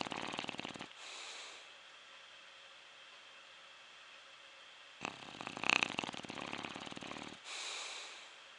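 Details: Soft, hissing snore breaths in two long bursts separated by quiet, from someone in deep sleep; a quiet, steady snore.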